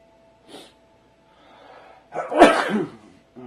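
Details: A soft breath in, a rising inhaled gasp, then one loud explosive sneeze burst: a single sneeze.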